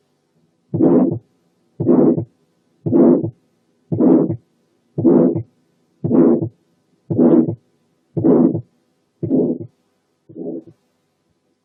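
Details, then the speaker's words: Tetralogy of Fallot with pulmonary stenosis: regular harsh systolic murmur at about 57 a minute. "على عكس كده لما يكون البالمونري ستينوزس جزء من تترالوجي اوف فالو، السكند ساوند بيتسمع في الودن كما لو كان سنجل وعالي شوية عن الطبيعي، وكله مكون من الايورتيك كومبوننت بس. تعالوا نسمع حالة فالوس تترالوجي."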